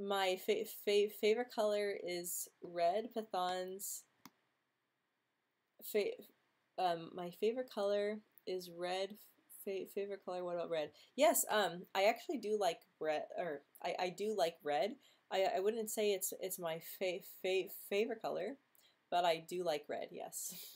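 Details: Female who has stuttered since age 9 or 10, quite disfluent this week, reporting blocks and tension in jaw, mouth and tongue; stuttering.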